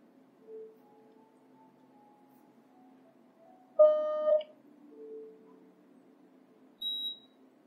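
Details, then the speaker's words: B. Braun Perfusor Space syringe pump just switched on, sounding several electronic tones of different pitches over a few seconds as it runs its start-up self-test. "so in the starting it will do self-test"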